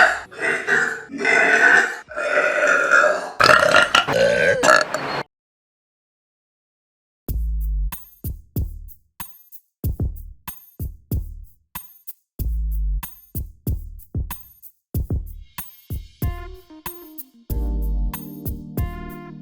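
Several loud, drawn-out belches, followed by music with percussive beats.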